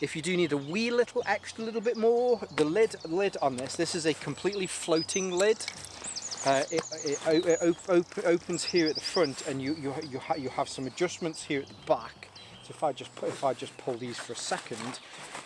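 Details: Adult male with a stammer he links to his anxiety, lingering but improving; stuttering.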